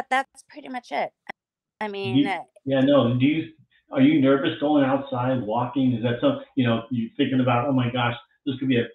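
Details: Adult speaker, conversational; typical speech.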